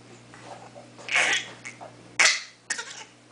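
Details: 5-month-old boy deliberately makes a few short, breathy fake cough-like bursts, playfully imitating a cough rather than being ill.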